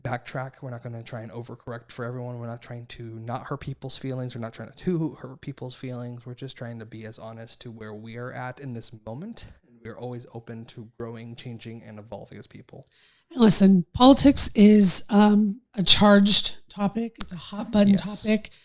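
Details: Adult male speaker; normal voice.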